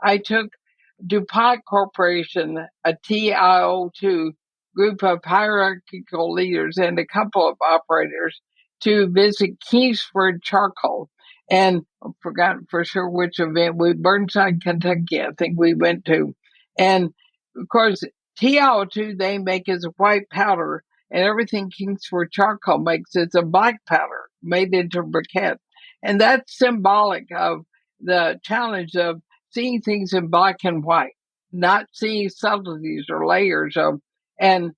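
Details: Woman about 80 diagnosed with ALS (Lou Gehrig's disease), which also affects her breathing; she reports quite a bit of speech trouble but feels still intelligible; dysarthria (ALS).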